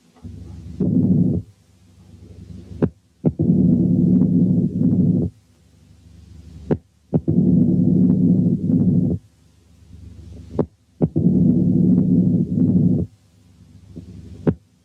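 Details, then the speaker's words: Mitral stenosis, simulated and slowed to about 15 beats/min then gradually sped up: accentuated first sound, sharp opening snap and long low mid-diastolic rumble with presystolic accentuation. "كمان زيادة في التأكيد هنسمع حالة تانية فيها كل الفايندنجز دي بس بالسرعة البطيئة كما لو كانت الهارت ريت 15 في الدقيقة، وبعدين هتزيد بالتدريج."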